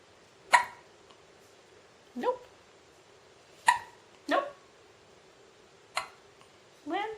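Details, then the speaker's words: Six brief, sharp, squeaky hiccup bursts from a puppy with large paws, spaced unevenly one to two seconds apart, while being filmed at night; a bout of hiccups. "These hiccups are always surprising."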